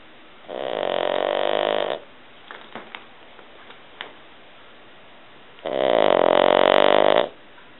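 Two long, loud, buzzing inhaled snores with a quiet pause between them. Snoring in a flat-faced dog.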